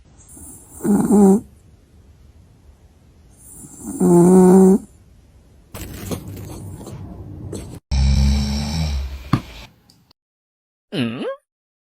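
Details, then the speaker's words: Several sleeping dogs snoring in turn: loud, harsh rattling snores on each breath. "are some cute dogs snoring."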